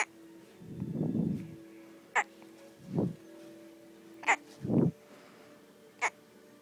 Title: got the hiccups